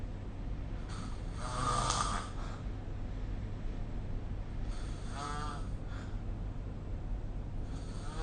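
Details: Snoring during sleep recorded with the SnoreLab smartphone app: deep, rattling snores with each breath over a steady low hum of room noise.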